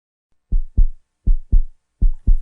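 Clean paired lub-dub beats, about 80 per minute, on a silent background: a heartbeat.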